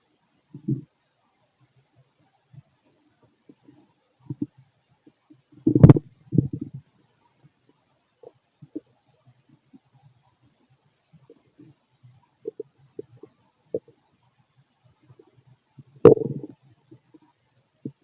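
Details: Male stomach noises during digestion: scattered soft gurgles and clicks with a few louder rumbling bursts, heard from outside the belly; ordinary bowel sounds.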